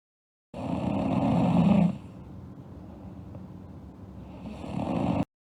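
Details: Loud, rough, rattling snores on inspiration with quiet pauses between them, from a girl snoring during sleep; ordinary snoring.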